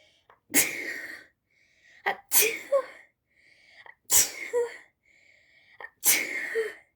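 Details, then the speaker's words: Four sharp, explosive sneezes in about seven seconds, each preceded by a brief inhaled catch. "two they were my sneezes now it's my turn guys my sisters are sneezing on the background okay"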